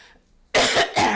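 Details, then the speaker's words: A sudden loud, harsh cough in two quick bursts after brief silence, from a woman with asthma who coughs whenever she talks a lot. "esse amigo aqui sabe que toda vez que eu começo a falar muito eu começo a tossir porque eu tenho asma né"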